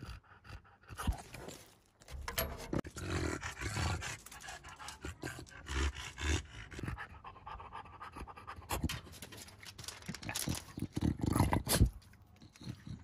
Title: English bulldog breathing | cute and funny (4K)